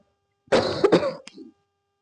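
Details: Harsh, throaty cough bursts with a brief catch and soft trailing sound, like clearing an irritated throat, in a short coughing fit while eating fried snacks (bakwan, risol, chili) at iftar; cough.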